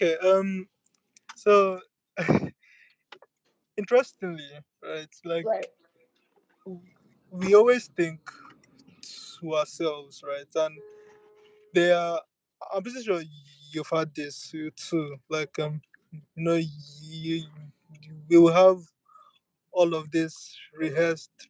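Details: Adult speaker; stuttering.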